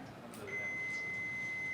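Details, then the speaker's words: Steady high electronic power-on beep of an AED being switched on during CPR and AED training, before its voice prompts to apply pads; training demonstration. "Okay. Switch it on."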